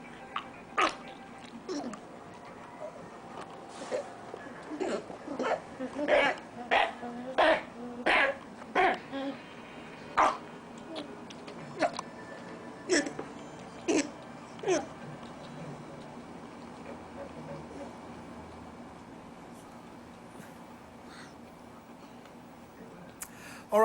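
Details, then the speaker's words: A dog gives a run of harsh, hacking, honking coughs, shown as symptoms of canine influenza. "okay well the the disease that we're going to just mention briefly because it's so important is called kennel cough"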